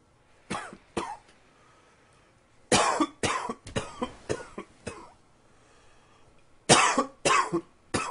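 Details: Bursts of sharp, dry coughing in three clusters, about eleven coughs with quiet pauses between, recorded after the first blast of frigid winter air; plain cough.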